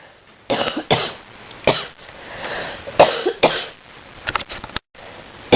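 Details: Morning coughing fit in bed, with sneezing too: about eight repeated harsh coughs, some in quick runs, with throat clearing between them.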